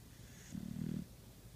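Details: Sleeping dog snoring: a single short, low rattling snore.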